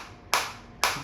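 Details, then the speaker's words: Biotronix focused shockwave therapy applicator on the operator's own hand/wrist, frequency 120, intensity raised to levels 9–11, felt deep inside: two sharp, loud snapping clicks about half a second apart, the applicator firing. "तो न और 10 मेरे लिए enough है hand के लिए और आप देख सकते हैं कि मेरे को पूरा अंदर तक ये हिट हो रहा है और मेरे को अंदर तक फील हो रहा है।"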